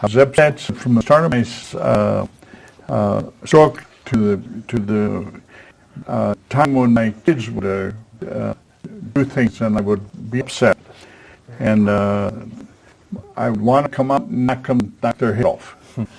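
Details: Man aged 73 at his stroke, with post-stroke aphasia, a former professional attending an aphasia conversation group for support and communication practice; real patient speech showing aphasia.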